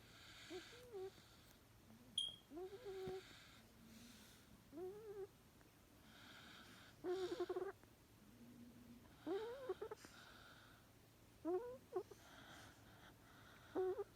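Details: Sleeping, very tired mother Xolo dog snoring softly, with high whistling squeaks on each breath, about 26 breaths a minute.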